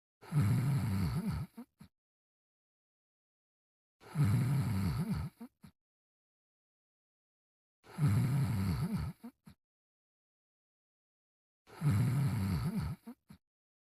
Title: Brian Sleeping and Snoring in 30 seconds (version)